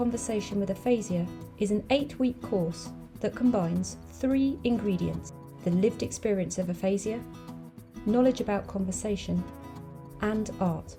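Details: Adult woman speaking; normal fluent speech.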